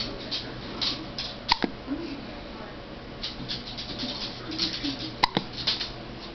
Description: Lil Violet and one of her pretty common hiccup attacks.